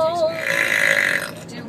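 One long, loud, voiced belch lasting about a second, a deliberate-sounding burp.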